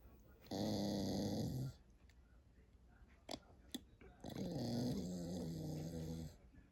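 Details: Sleeping dog that sleeps with her eyes open: two long, loud, rattling snores about three seconds apart, with quiet room noise and faint clicks between; heavy snoring.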